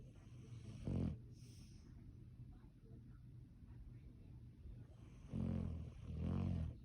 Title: He’s snoring